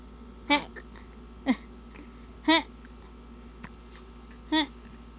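Brief, sharp voiced catches repeating about every second or two, roughly 30 a minute, over quiet room noise; infant hiccups, a harmless common event.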